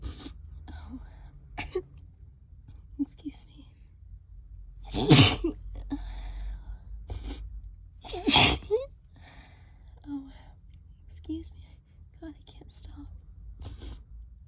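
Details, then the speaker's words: Two forceful sneezes among quiet talk and breathing during a prolonged allergic sneezing bout triggered by cleaning a trap, wet sneezes lasting about half an hour more; sneezing. "Oh, those are so strong. Oh my god. Okay. I guess it's not done."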